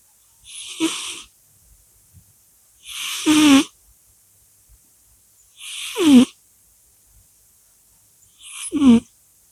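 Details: Cat snoring: four short nasal snorts, each a hissing breath ending in a brief whistle, about one every two to three seconds.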